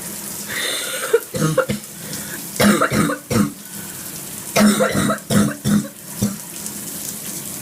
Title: Coughing and spitting with steam from the shower